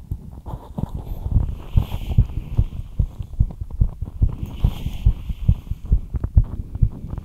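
Rapid, somewhat uneven low thumps over a steady hum; a quickened heartbeat after light exercise.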